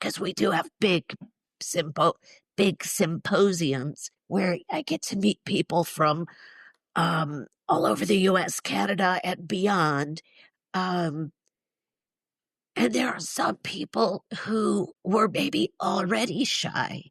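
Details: Woman in her mid-60s with neurological spasmodic dysphonia involving the basal ganglia, plus essential tremor; treated with Botox injections to the vocal cords; condition especially affects vowels and weakens voice; spasmodic dysphonia.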